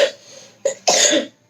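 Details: Child's persistent cough that won't stop despite doctor's medicine: two short, harsh coughs, the second longer and more forceful, in a quiet room.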